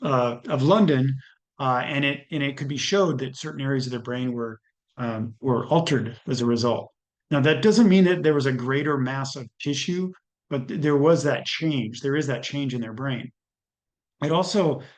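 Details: Adult male speaker; normal speech.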